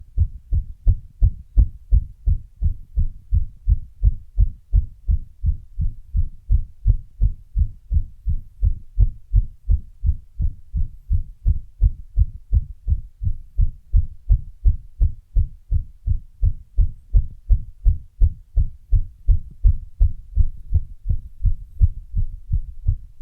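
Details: Heart sounds after running: fast, strong low heart thumps, with an arrhythmia briefly breaking the rhythm partway through.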